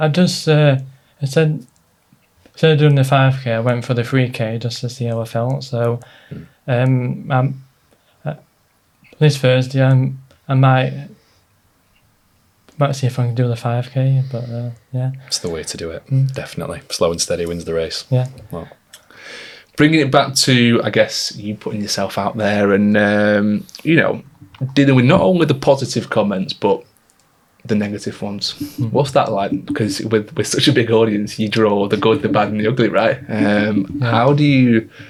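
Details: Stuttering (stammer) in an adult man, present since childhood, previously treated with speech therapy; stress and nerves make it worse.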